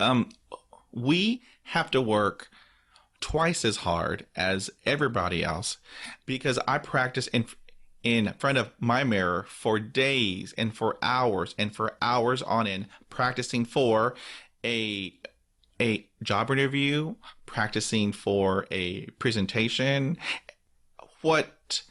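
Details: Adult man who stutters, describing blocks and difficulty with consonants and vowels; word and part-word repetitions audible; stuttering.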